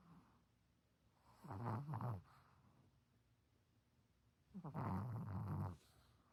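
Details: Light snoring: two soft, fluttering, low snores about three seconds apart against quiet room noise.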